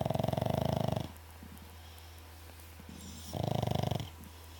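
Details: Rapid, fluttering, buzzing snores in bursts of about a second, with quiet breathing between them; snoring.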